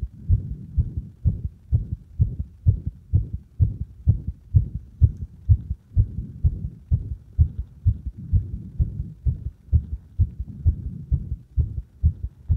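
Steady, regular lub-dub heartbeats at about 64 a minute, dull and low-pitched with firm stethoscope pressure at the apex.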